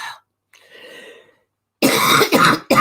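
After a soft breathy throat rasp, three loud harsh bursts of throat clearing and coughing follow in quick succession: an irritative cough with throat clearing.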